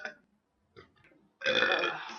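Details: An adult woman burping after drinking soda: after brief soft sounds, one long, loud, rumbling burp; belching after a fizzy drink.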